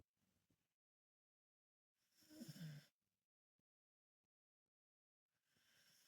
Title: Mama Dog sleeps on her back and snores. Dogs sleep like a human sometimes.